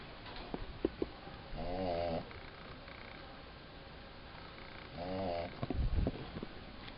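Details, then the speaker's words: Sleeping dog snoring in a kitchen: two long buzzing breaths about three seconds apart over faint kitchen clatter: snoring. "So some time has passed. Excuse the dog snoring."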